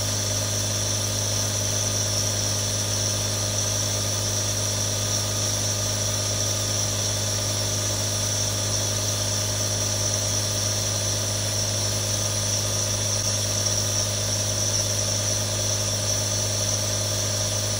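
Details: Real nebulizer sounds: a continuous, steady motor drone with a buzzing hiss, unchanging throughout, as the nebulizer runs.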